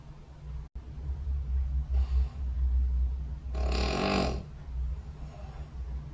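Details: Snoring recorded overnight by a phone snore-tracking app beside the bed during sleep: low, rumbling breathing noises over steady room hum, with one louder rattling snore on an in-breath.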